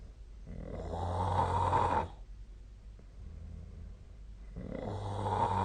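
Loud rough rumbling on each breath in, with quieter breathing out between; two snores over about six seconds. Snoring during sleep.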